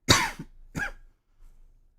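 Two short, harsh coughs from an adult, about two-thirds of a second apart, in a quiet room; a brief dry cough.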